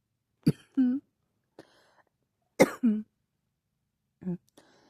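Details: Cough: three pairs of short, sharp coughs separated by quiet pauses, in a quiet room.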